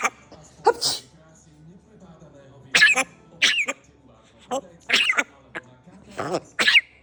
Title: Parrot's Impressive Imitation of Owner's Coughing Sounds